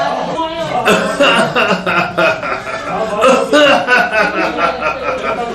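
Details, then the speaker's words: Rapid run of short, harsh, staccato coughs in quick succession, a machine-gun-like recurrent spasmodic cough in a patient; a tubercular cause is considered possible and an X-ray suggested. "In Corallium rubrum it is written, it's a machine gun cough. You see, hear the cough."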